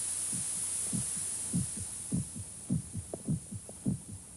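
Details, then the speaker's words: Human heartbeat heard inside a sound-isolated acoustic room in a 1950s film: regular low thuds at about 100 beats a minute under a steady hiss. "one can hear things he never heard before the sound of air molecules beating against the eardrum the sound of the heart pounding against the rim"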